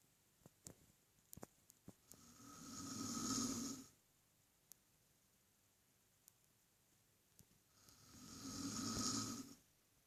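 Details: Two long, hissing, rasping inspiratory snores about six seconds apart from a man asleep in a quiet room.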